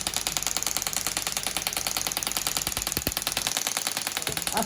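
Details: Harsh repeated clacking pulses, roughly 200 a minute, from a shockwave therapy handpiece on the heel of a chef with heel pain from prolonged standing, third shockwave-and-laser session, before class 4 laser.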